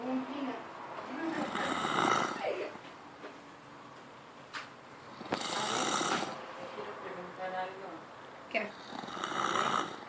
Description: brother was sleeping and snoring with his mouth open so I decited to fart in his mouth..dark video sorry but the sound is priceless.